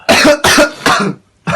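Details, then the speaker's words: Three harsh, forceful acted coughs in quick succession, then the start of another: a deliberate comedic imitation of coughing in a sketch about a man who is unwell. "O nasıl oluyor ya? Öksür. Çok kötü öksürüyorsun lan."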